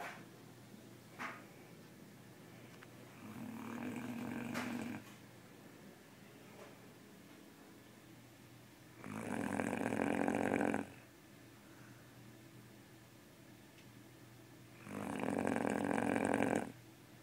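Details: A sleeping Great Dane snores: three rough, rattling snores of about two seconds each, roughly every six seconds, over quiet room noise.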